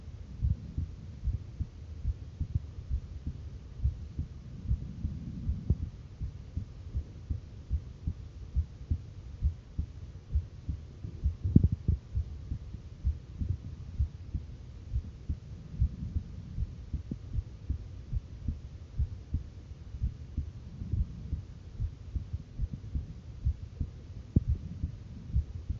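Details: Visible heartbeat recording from an adult female: steady, repeated low thumps with an even, regular rhythm throughout; normal heartbeat.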